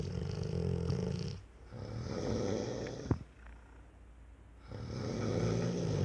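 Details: A 4-year-old Rottweiler sleeping: low rumbling snore on two breaths, with a quiet pause and a brief snort between them: snoring.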